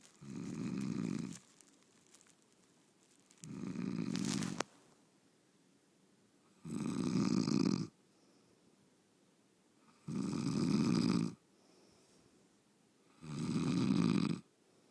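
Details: Adult bed partner asleep: long, loud, rough snores on each breath in, about 18 a minute, with quiet breathing out between; snoring.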